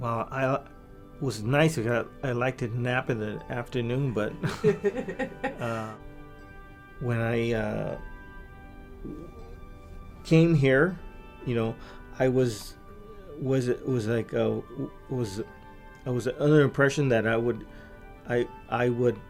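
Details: Adult man with aphasia from a massive stroke about 3 years earlier, recorded before brain training; much language regained but fluency still impaired, with repeated and fragmented words; aphasia.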